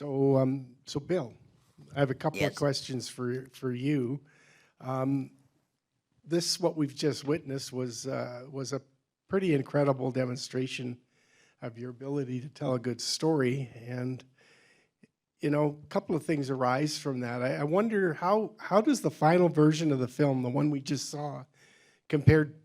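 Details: Adult male speaker; ordinary speech.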